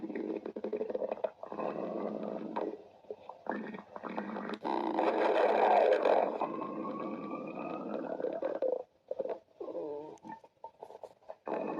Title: Sticks the badger stomach growling 11